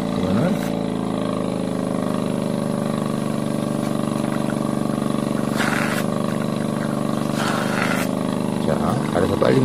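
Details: An Impact 326M portable surgical suction pump (aspirator) for veterinary use, running with an interval mode of 10 seconds suction and 10 seconds rest: a steady, low motor hum and drone with a few brief bursts on top.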